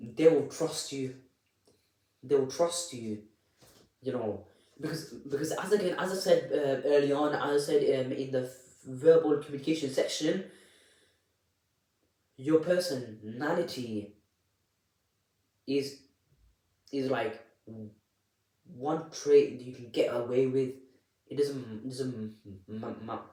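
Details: Adult with a stammer (stuttering) speaking unedited, with audible repetitions of words and syllables; stuttering.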